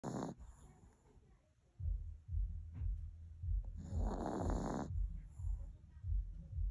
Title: Snoring Pomeranian (Butter) #asmr #shorts #shortvideos #short #dog #pomeranian